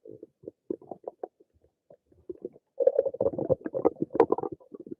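Bursts of gurgling, bubbling and squeaky rumbles, growing busier toward the end: active stomach rumbling, ordinary bowel sounds.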